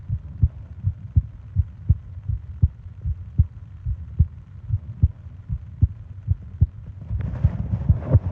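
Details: Heartbeat and breathing sounds for ASMR sleep: steady low thumps at about 75 beats a minute, with breath noise rising near the end; an ordinary regular heartbeat.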